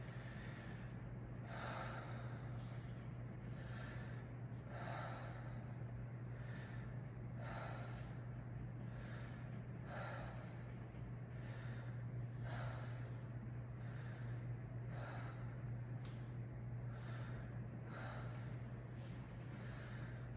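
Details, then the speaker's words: Adult patient during a head-to-toe physical assessment takes slow, deep breaths, about twelve a minute, over a steady low hum, while the anterior chest is auscultated for wheezes, rhonchi or crackles. "I'm going to auscultate for add intentious lung sounds like wheezing raw guy or crackles so take some nice deep breaths in you know"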